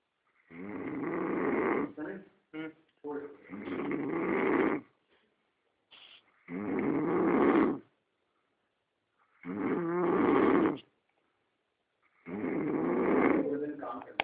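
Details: Heavy snoring, attributed to drinking wine, vodka and a liter of milk: loud, rough snores on each breath, about 20 per minute, with quiet pauses between.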